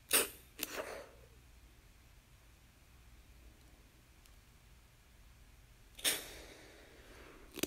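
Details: Sound effect of an asthma inhaler: short hissing puffs, two close together, then another after a pause.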